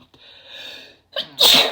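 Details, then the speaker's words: Adult woman sneezing after taking chhinkni (sneezing powder), during a sneezing fit: quiet breathy inhalation with a catch, then one loud explosive sneeze. "Oh, I have to sneeze again. Jeez. I have to sneeze. Oh my god. Wow. Those are super strong."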